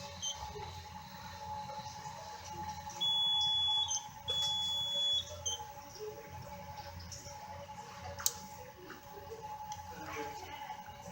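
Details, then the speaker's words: Two sustained high electronic alarm tones from a haemodialysis machine signalling insufficient blood flow to the filter, as when the patient's catheter or fistula malfunctions or collapses in the extracorporeal circuit. "Es allí en donde el catéter o la fístula del paciente tiende a disfuncionar con alteraciones en el circuito extracorpóreo, en donde se va a ver que posiblemente haya un colapso del filtro y que no llegue la suficiente cantidad de sangre a las cámaras y al filtro para hacer su proceso. La máquina detectaría esta alarma"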